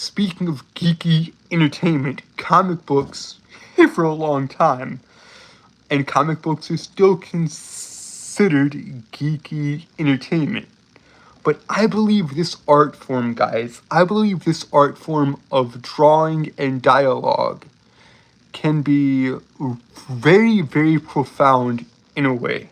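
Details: Adult male with self-reported speech impediment, embarrassed at how long a word took to say; speech impediment with disfluency.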